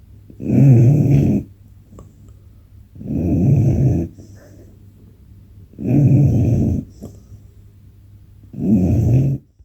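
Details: Snoring while fast asleep on a recliner at 19 weeks old: loud, rattling snores on each breath, about 22 a minute, with quiet pauses between.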